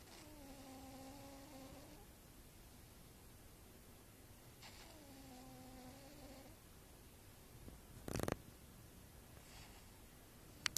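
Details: A sleeping pet cat snores: two drawn-out, whistling snores about five seconds apart, with brief clicks near the end.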